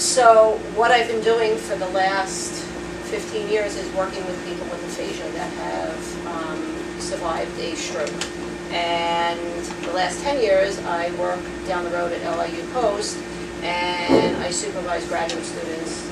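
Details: Adult speaker; ordinary speech.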